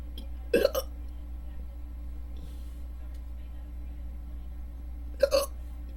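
Two sharp, abrupt gulping hiccups about five seconds apart over a steady low hum; hiccups.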